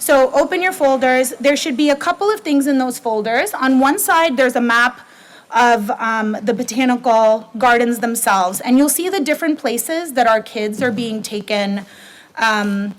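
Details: Adult woman; typical speech.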